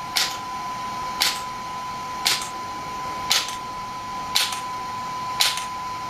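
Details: Shockwave therapy device firing sharp, crisp snapping pulses about once a second, steady and regular, over a constant high tone and machine hiss, during a treatment session with gel applied and the treatment site being positioned.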